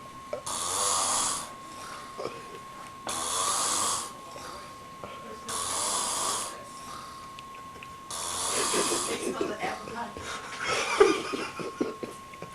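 Repeated rough, noisy breathing sounds in a regular rhythm with a steady background tone; snoring.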